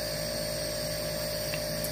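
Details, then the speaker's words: Nebulizer compressor running with steady hum and hiss during a child's twice-daily cystic fibrosis breathing treatment, inhaled medication given before the airway clearance vest is turned on. "we're doing his Alfie get her all to get into his lungs and then we'll turn the best on"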